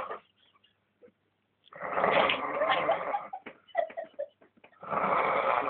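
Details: Very loud snoring during sleep.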